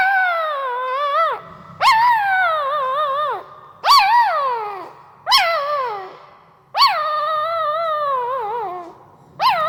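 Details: Sleeping newborn pariah dog pup: repeated high, wavering whimpers and squeaky cries in one-to-two-second bursts, puppy whimpering in sleep likely from dreaming.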